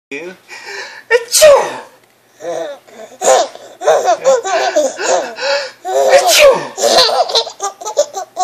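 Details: Father's sharp adult sneezes, each followed by delighted giggling from his 18-month-old son, who has Costello syndrome; sneezing.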